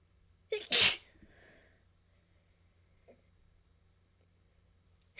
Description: I covered a couple of my inducing tools with dust and this was the result, enjoy :3